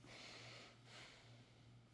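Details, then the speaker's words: Two soft breaths of air hiss over a low steady hum: a ResMed AirFit P10 nasal pillow mask on CPAP at pressure 8–10, with very quiet, well-diffused exhalation and no air escaping. "I would say this one probably doesn't seal at as high of pressures as the Solo. In fact, this is actually at a 8 or a 10 instead of the 10 or 12 that Solo was at."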